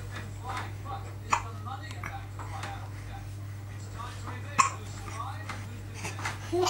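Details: Infant aged 5½ months, bouncing, gives two abrupt, short hiccups a few seconds apart amid chatter, household noise and a steady background hum; hiccups.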